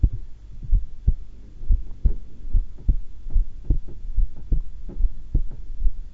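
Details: Steady low paired heart thumps about 73 beats a minute, regular rhythm, recorded at rest while calm during voluntary breath-holding; normal heart sounds.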